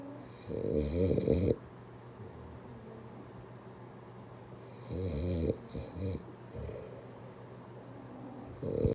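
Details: Rough, rattling snores on the in-breath, separated by quiet pauses of a few seconds; ordinary snoring.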